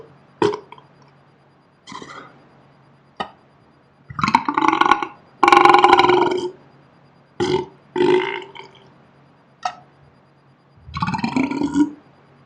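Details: Person burping alone, slowed down in playback: about nine drawn-out, croaky burps at irregular intervals; repeated belching.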